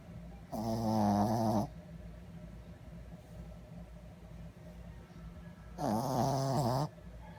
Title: Loudest dog's snore